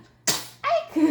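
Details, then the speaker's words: Four-month-old baby (129 days) during a pop-up book reading gives one sharp, high sneeze followed by a brief voiced sound. "펭귄 친구들 보니까 제 챙이가 나왔어"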